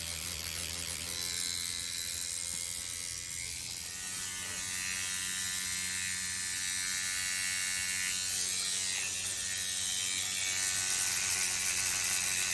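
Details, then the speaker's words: Motorized microneedling pen at 2.5 mm depth on a client's cheek and jawline, applied slowly in a stamping motion, with minor bleeding and redness. Steady high buzzing whine with fast rhythmic ticking as it creates microchannels. "Because we're going straight down into the tissues, creating these micro channels, it's not tearing up the top of the skin like when you use other methods of microneedling."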